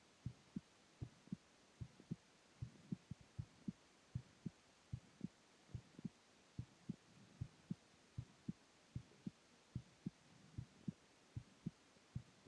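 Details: Adult male lying down, own heartbeat: steady paired lub-dub thumps at about 75 beats a minute; normal heart sounds.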